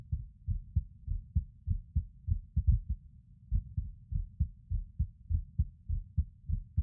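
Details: Male skipping heartbeat recorded while lying on his bed: muffled low heart thumps with an uneven rhythm and gaps of varying length, fitting occasional skipped or early beats.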